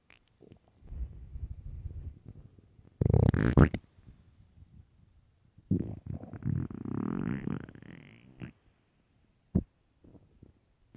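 Loud, low gurgling and rumbling stomach growls in long bursts; ordinary hunger borborygmi from an empty stomach.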